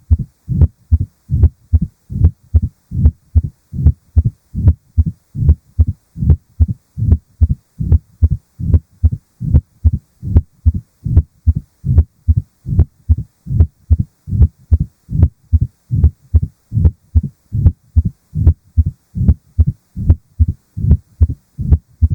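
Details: Mitral stenosis heart murmur: steady regular heartbeat about 74 per minute with low rumbling sounds between beats, from narrowing of the mitral valve restricting left atrium to left ventricle flow.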